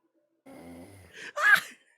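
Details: Coaxed to snore, a short wheezy intake of breath, then a sharp sneeze-like burst.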